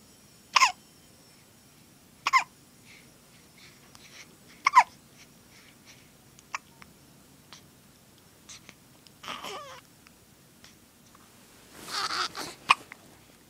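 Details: Infant girl with hiccups: short, sharp, squeaky hiccups at irregular intervals, likened to a squeaking toy penguin, with soft breaths and small sounds between.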